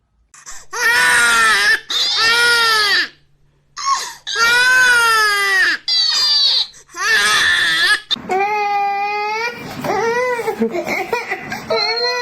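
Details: Baby crying: loud, high-pitched infant cry in repeated wailing bursts separated by short breaths, ending in softer whimpering cries, with background music.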